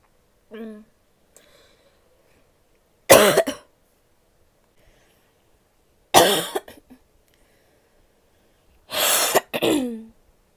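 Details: Female coughing: a brief voiced sound, then three separate harsh, explosive coughs a few seconds apart in a quiet room; an ordinary cough.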